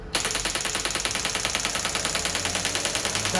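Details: Harsh sharp clacking pulses, about three per second, from a shockwave therapy device on the heel of a patient with heel pain, third shockwave-and-laser session; intensity being raised while the patient reports how it feels.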